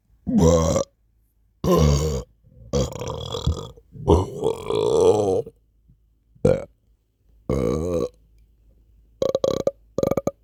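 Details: Sleepy burps: a series of about seven loud, voiced belches with short pauses between them in a quiet room.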